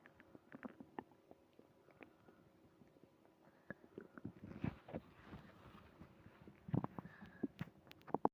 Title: Early morning tummy trouble (stomach growling)